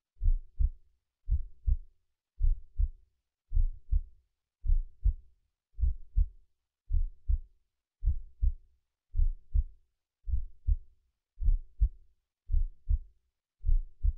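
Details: Regular paired lub-dub thumps at about 54 beats a minute in quiet, an adult's own resting heartbeat, mono recording converted to stereo with slight left-right pitch shift for binaural effect; normal slow heartbeat.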